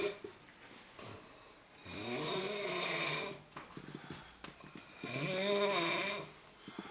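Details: Snoring during sleep: harsh, buzzing snores on inhalation, roughly every three seconds, with quiet exhalations between.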